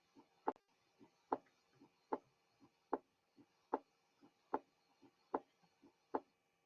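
Regular heartbeat at about 75 a minute, each faint first sound followed by a much louder second sound: a softened first heart sound.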